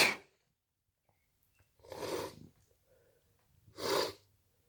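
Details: Sneezing induced using a CD (part 2): three short explosive bursts of air in a quiet room, the first clipped at the start; sneezes.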